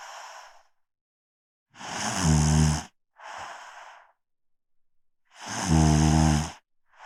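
Deep, loud buzzing snores on the in-breath, each followed by a breathy out-breath and a pause, about 17 breaths a minute.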